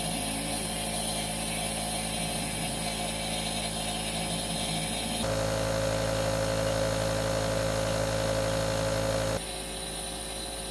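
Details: Steady mechanical hum and buzz of a compressor nebulizer running with a pitch shift partway, used as an antibiotic chamber delivering injectable antibiotics for severe pneumonia and upper respiratory infection.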